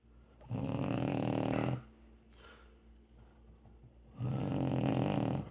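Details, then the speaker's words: Adult woman (wife) snoring in sleep: two loud, buzzing, rattling snores on breathing in, separated by a quiet pause, likened to a chainsaw revving; heavy snoring. "a damn chainsaw over there. It's revving up. Can you hear it? Hear that chainsaw? Getting ready to cut some trees down."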